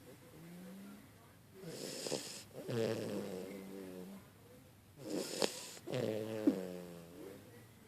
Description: Pocket snoring away!